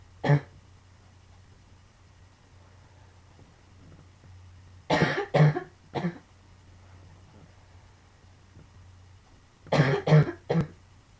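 Two bouts of dry coughs, three coughs each, plus one single cough, over a steady low hum; a repeated cough from lung sarcoidosis.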